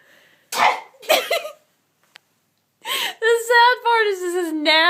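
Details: Best friend's real, unplanned sneeze attack: two explosive sneezes in quick succession, a pause, a third sneeze, then a drawn-out vocal sound.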